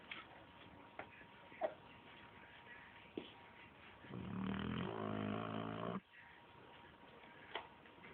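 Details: One rough, buzzing snoring breath lasting about two seconds over quiet room noise with a few faint clicks.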